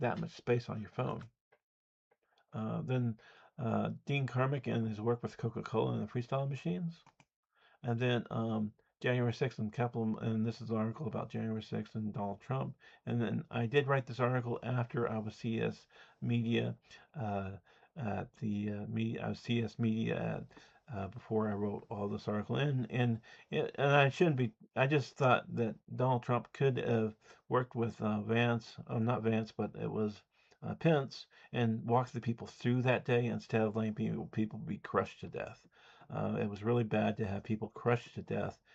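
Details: Speech impediment (disfluent speech), self-reported and audible, in an adult man.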